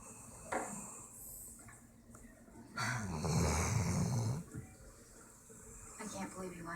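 Loud rattling snore on an in-breath, with quieter breathing sounds around it, from a sleeping dog; ordinary snoring.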